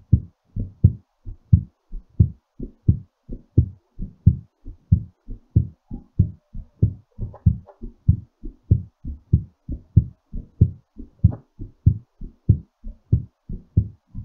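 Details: A strong, regular, somewhat quick heartbeat at about 95 a minute, still raised during recovery after exercise; normal heartbeat after exercise.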